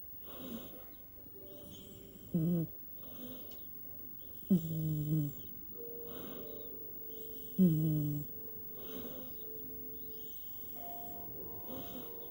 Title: Cat snores v2.0 😄